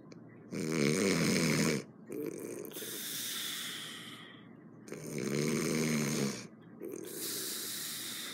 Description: My roommate snores a bit loud